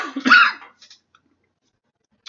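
A single harsh cough burst, then a few faint clicks and quiet: one isolated cough from an adult.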